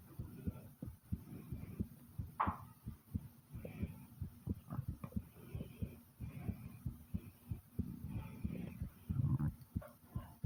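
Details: Loud, fast heartbeat at roughly 90 beats a minute, heard as repeated low thumps, with the stomach growling along with it in intermittent gurgles; a rapid heartbeat.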